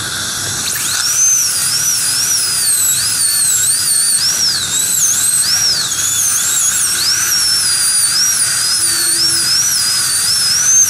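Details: Steady high-pitched whine of a high-speed dental drill, pitch wavering as it cuts, during tooth (crown) preparation using a gum protector device; dental drill.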